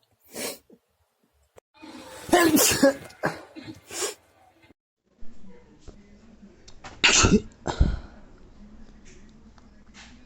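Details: Several bursty sneezes mixed with short coughs and throat sounds in a quiet room. Repeated sneezing.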